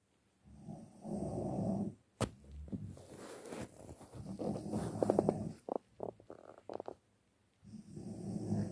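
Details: Deep-sleep snoring: rough, rumbling snores with snorting breaths and a few sharp noises between them, in a quiet room.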